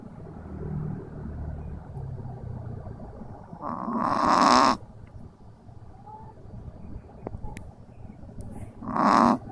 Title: Pixel the snoring dog